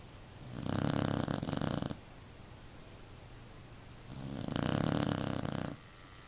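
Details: Snoring from a sleeping beagle on a couch, loud enough to vibrate it: loud, rasping, buzzing snores on breathing in, two long breaths separated by quiet.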